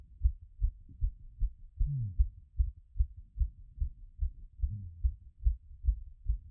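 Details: Stethoscope recording of a person's own heart after a workout; it had been around 180 and was settling by the time of recording. Fast, regular beat at about 150 a minute with two brief low rumbles. Tachycardia after exercise.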